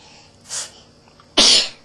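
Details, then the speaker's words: Young girl who had just woken from a nap: a small hissing breath, then one sharp, airy sneeze; sneezing. "bless you again did you sneeze can you sneeze again"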